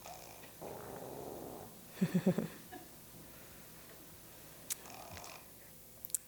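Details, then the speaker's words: Adult snoring in which the epiglottis contributes most, flipping over the airway like a lid: a soft breath, then a brief low rattling flutter on inhalation; epiglottic snoring. "oh this one actually does have snoring this one the epiglottis actually contributes the most and you can flips over like a lid and actually creates the snoring sound"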